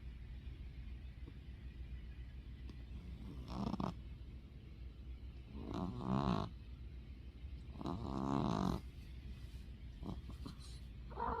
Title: Winky snorts and snores #cat #snoringcat